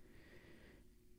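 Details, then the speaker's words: Boston Terrier snoring loudly while asleep in the background: low, rumbling, snorting breaths in a quiet room. "you can hear the snoring in the background that is bugs the UFO hunter Boston Terrier with an attitude who snores really loud I mean geez"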